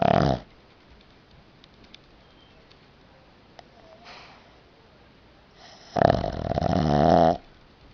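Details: 2-year-old pug snoring while falling asleep: two snorting, rattling snores with quiet room noise between; ordinary snoring.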